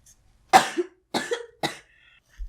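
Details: A person who is sick and feeling miserable, mentioning cough syrup, in a compilation of old recordings of their cough. Three sharp, separate coughs in a quiet room, each a short harsh burst that trails off.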